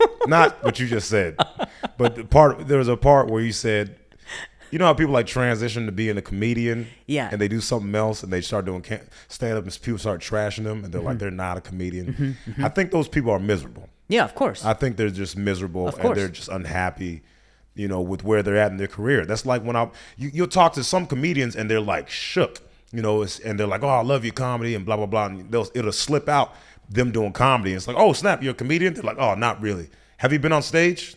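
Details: Adult men in conversation; typical speech.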